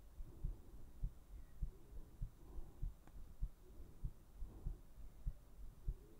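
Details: ASMR heartbeat recording: steady soft low thumps at about 100 beats a minute with a faint hum behind; normal heartbeat.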